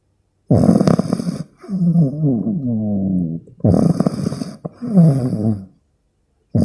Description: Coco :40 days old Rottweiler puppy snoring while sleeping.